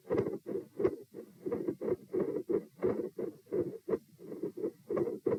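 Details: Normal heart sounds recorded at position P during an auscultation stress test (lie-sit-stand-bob-stand, heart rates 84-90-90-102-114), about 88 beats a minute, very phasic with breathing, relatively low heart-rate response.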